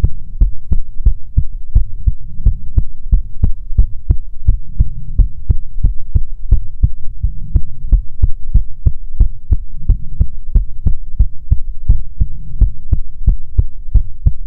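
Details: ASMR heartbeat recording: steady, regular lub-dub heartbeat at roughly 85–90 beats a minute over a low hum; normal heartbeat.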